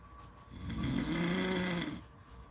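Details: One long, loud, rattling snore on the in-breath, deep and buzzing, over faint steady background noise.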